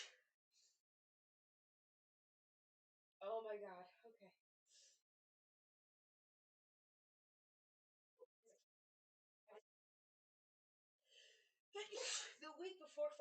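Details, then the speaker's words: Two loud, sudden voiced bursts with quiet gaps and a few small clicks between, at night from someone who says they have been sneezing a lot after catching an illness the week before Thanksgiving: repeated sneezing. "I've slept and sneezing so much tonight."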